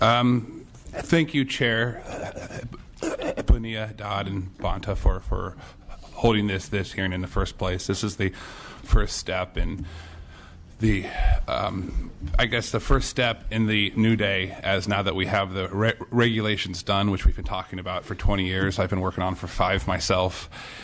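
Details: Disfluent speech with restarts in an adult man testifying at a legislative hearing who reports his speech impediment flaring up; type of impediment not named, possibly stuttering.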